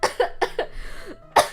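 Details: A short run of about four quick coughs, then a pause and one more sharp cough, in a small room, from a person who says they are sick again with a new illness and sound hoarse; cough.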